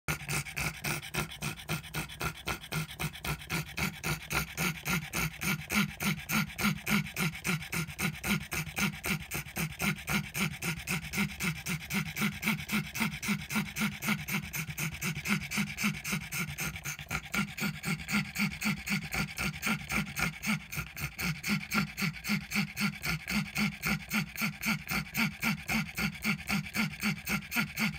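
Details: Pug's rapid, regular noisy panting, about 220 breaths a minute, with a wheezy, whistling edge; wheezing breathing.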